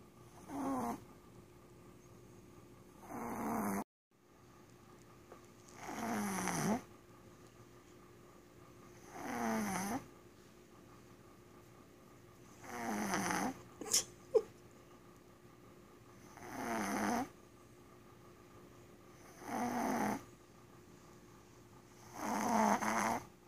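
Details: A sleeping female Chihuahua, possibly dreaming, snores in regular rattling bursts, about 20 a minute, until she snores herself awake.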